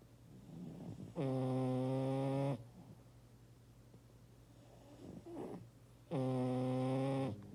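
Two long, loud, buzzing snores with a steady droning pitch, separated by a quiet breath out.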